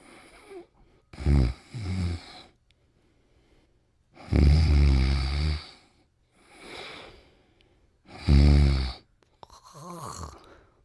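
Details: Loud, deep rattling snores alternating with whistling out-breaths from a cartoon soundtrack (the Pink Panther sleeping, 1988 "Trouble Sleeping"): snoring, not a real recording.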